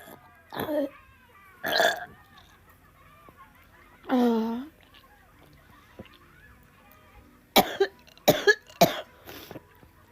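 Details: Several short cough bursts, some with a voiced rough tone, in separate groups against faint background noise; plain coughing from a compilation.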